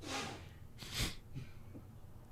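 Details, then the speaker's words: Single adult sneeze during a live sports talk show: a hissing intake then a sharp explosive burst of air. "Yes. Bless you. Unbelievable. Hopefully you guys could hear that sneeze."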